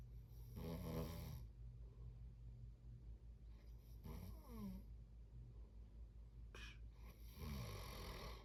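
Low rattling snores at intervals, about three in eight seconds, over steady room hum; ordinary sleep snoring.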